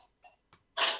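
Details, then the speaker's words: Single sharp, hissy sneeze from a cat after a few faint sniffs; the cat has been sneezing repeatedly. "Sorry if you guys could hear that. The cat's got the sneezes."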